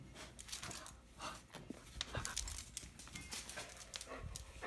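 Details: Rapid, breathy in-and-out puffs repeating through the clip from a one-year-on Australian Shepherd dog at a checkup; ordinary panting.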